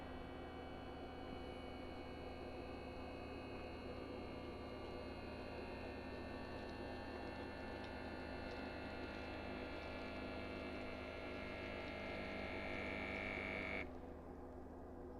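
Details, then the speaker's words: Checkme automatic blood pressure monitor cuff inflating on a relaxed, silent adult's arm at home: steady low motor hum of the pump, cutting off abruptly near the end. "So, I'm going to start the device and with the screen on, I'm going to click the start button and just relax. Don't tense up your arm and try not to talk while it's doing this."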